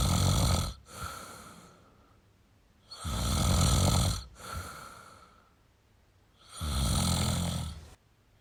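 Loud, rough snores on each breath in, with quiet breaths out between, about 19 breaths a minute; ordinary snoring.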